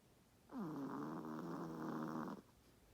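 A single long, rattling, buzzing breath lasting about two seconds; a dog snoring.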